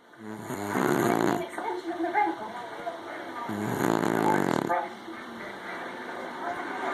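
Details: Snoring: two loud, rough, rattling breaths about three seconds apart, with quieter sounds between them.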